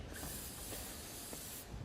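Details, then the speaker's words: Steady hiss of aerosol treatment spray lasting most of the clip, applied to a badminton player's back and shoulder during a match, with crowd noise behind; some spray got in his eye. "Ooh, some of that spray got in his eye. That's not pleasant, I can tell you."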